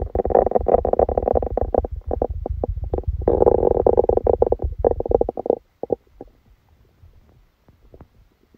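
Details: Bowel sounds: loud, continuous churning gurgles that fade to a few faint pops and near quiet, recorded while sleeping with a stomachache that began after Christmas dinner.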